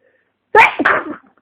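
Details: Person with flu and congestion giving one loud, voiced, congested sneeze in two quick parts.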